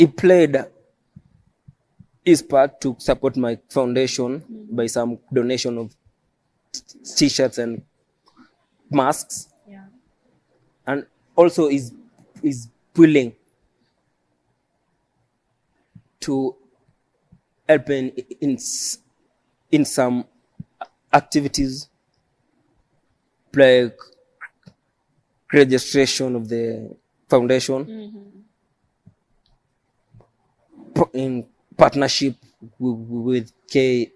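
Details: Adult male stammering since age 3, which he believes is neurological and inborn, with prolongations and added syllables he describes; stuttering (stammering).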